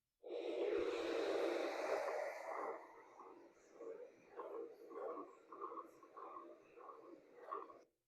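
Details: Posterior tibial artery Doppler in a patient with acute limb ischemia from femoropopliteal in-stent thrombosis (Rutherford 2B), rest pain and hallux necrosis: static, then soft, dull single whooshes with each pulse, giving monophasic arterial flow.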